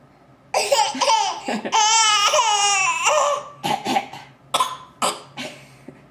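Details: Infant gives a high, squealing laugh, then about four short coughs in quick succession; cough.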